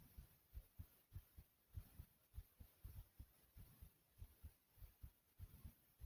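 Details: Quick, regular, pounding heartbeat at about 98 beats per minute after running in place, a normal fast heartbeat after exercise.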